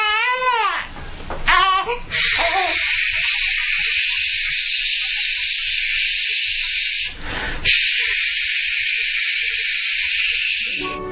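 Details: Newborn being calmed with the 5 S's (swaddled, placed on his side, then shushing/white noise added): brief rising cry and fussing, then loud steady shushing white noise covers most of the sound; ordinary newborn crying.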